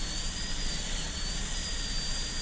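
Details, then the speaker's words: Continuous high-pitched whine of a high-speed dental drill over low hum, cutting a lower-arch Class II mesio-occlusal (#30 MO) preparation on a typodont in a teaching demo; burr leaning lingually, pulpal floor kept level, cutting against adjacent tooth. "Keep the pulpal floor at the same level and cut right up against the adjacent tooth."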